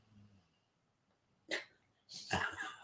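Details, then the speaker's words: Dog snoring outside a door, picked up in the background of a conversation: two short, rough snorting breaths in an otherwise quiet room. "Yeah, She's snoring. our dog's snoring outside the door. You can probably hear it."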